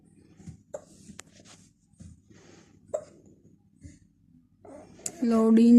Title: hiccups ❤️❤️